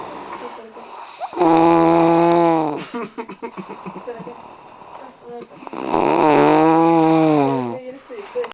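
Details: Two loud, drawn-out tonal snores about four seconds apart, with quiet breathing and faint room noise between.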